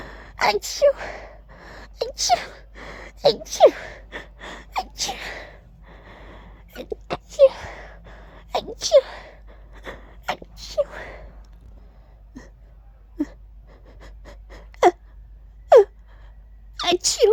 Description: I really tried to actually say "Achoo!" while sneezing. They sound so weird like this 😂 but it was fun to try 🤧